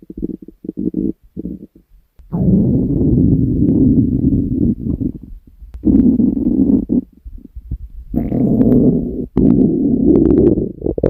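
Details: Long, low rumbling gurgles in several bursts with short pauses, over music and speech; a woman's stomach growling, ordinary gut sounds.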